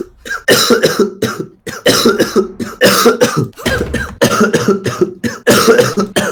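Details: Adult man coughing all evening, says coughing feels so bad his eyes pop out: about a dozen harsh loud coughs in quick clusters with brief pauses; persistent cough.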